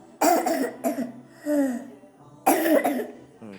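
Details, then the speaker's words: Child with noisy cough: harsh, hollow, barking coughs with high-pitched noisy inspiration between them, described as laryngotracheal (vocal cords and trachea affected), no phlegm; croup cough with inspiratory stridor. "Nefes alırken ses var gördüğünüz gibi burada Nefes alırken diye bir ses çıkartıyor burada laringo truckey Yani hem ses telleri etkilenmiş hem de şu boru gibi öksürük sesi"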